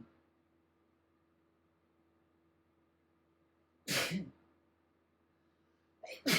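A quiet pause, then a sharp, explosive sneeze, followed by the start of a second; repeated sneezing from allergy.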